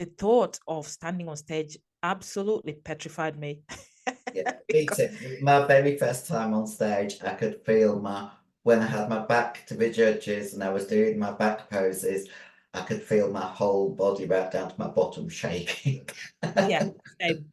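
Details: 56-year-old female bodybuilder with androgen-induced voice deepening (virilized voice) after large doses of anabolic/male steroids. Her formerly high-pitched voice is now very deep and she can no longer sing. She also has chronic kidney disease and past liver damage.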